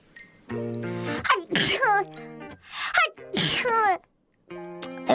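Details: A streamer sneezes on a live stream, then reacts afterward.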